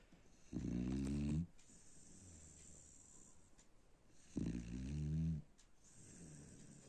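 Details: Sleeping dog snoring: two loud, rumbling snores on the in-breath about four seconds apart, with quieter breathing between.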